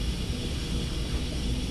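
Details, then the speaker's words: Suction machine switched on by a nurse before suctioning a pre-oxygenated patient on pulse oximetry: steady low rumble and hiss running continuously: suction machine running. "I would need to go ahead with this one and turn my suctioning on."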